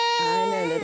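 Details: Toddler girl with possible croup and a phlegmy cough, crying during a GP throat examination: a brief, high-pitched, tonal cry of upset.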